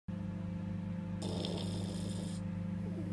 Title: Бигль Яша храпит/Beagle Yasha snores